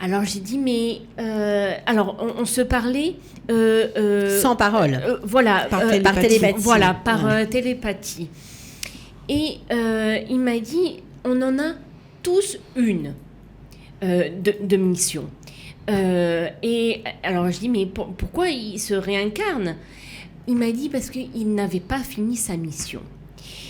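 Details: Aphasia in a woman after a stroke at age 19, with right-sided hemiplegia; a language disorder with years of difficulty placing the tongue, still ongoing.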